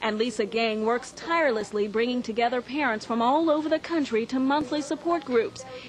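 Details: Adult woman, news narrator; Normal fluent speech.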